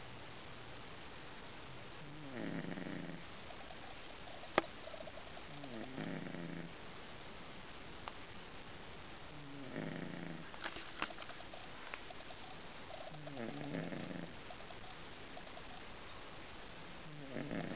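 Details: Soft, regular rattling snores on each breath in, about every four seconds (roughly 15 breaths a minute), from a sleeping cat; snoring.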